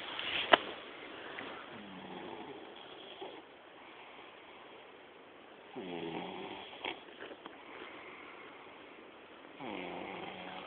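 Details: A young man snoring while asleep at night, secretly recorded by friends to prove that he snores.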